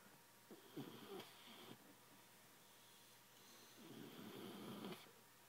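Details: Young dog snoring: two soft, fluttering breaths a few seconds apart in a quiet room; gentle snoring.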